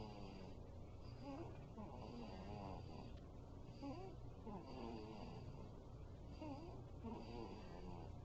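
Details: Sleeping 5-week-old snoring: soft, irregular snuffling snores about 23 a minute over steady room hum.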